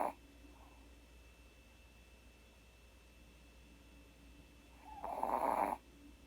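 Mostly quiet breathing, then one short, loud, rattling snore near the end. Snoring in a sleeping pet.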